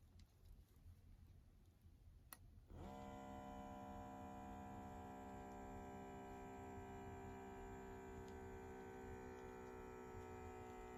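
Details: A click, then the steady motor whine of a new LifeSource automatic blood pressure cuff pumping up during a home self-test.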